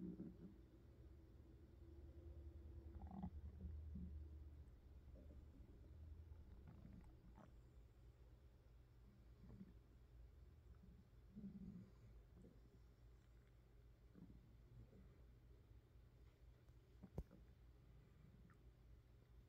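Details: Hunger-related stomach growling: low, rolling abdominal rumbles with scattered gurgles and squeaks; normal bowel sounds.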